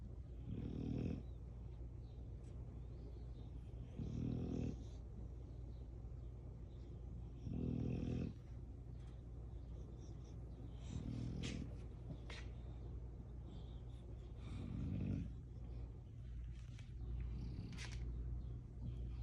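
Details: Sleeping puppy dogs snoring: soft, low rumbling snores every few seconds over a steady background hum.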